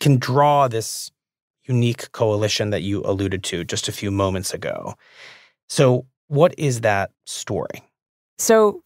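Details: Adult male speaker; normal speech.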